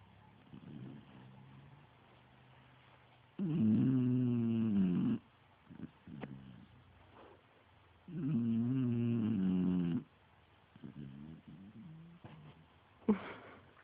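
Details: Beagle snoring in sleep: two long, loud, rattling snores about five seconds apart with quiet breathing between.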